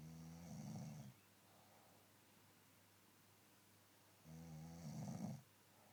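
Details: Snoring during sleep: two low rumbling snores about four seconds apart in a quiet room.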